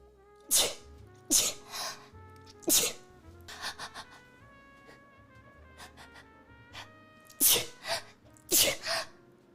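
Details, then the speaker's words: An ordinary sneezing fit: five sharp, explosive sneezes in about ten seconds, with faint background music between them, after the person says they need to sneeze. "oh no well it's not light-hearted but the title is inflammatory oh no oh no oh no [Music] oh i need to sneeze"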